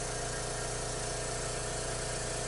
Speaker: if it doesn't interfere with your ability to hear the clients lung sounds feel free to leave your suction going but just keep in mind that you may want to turn that off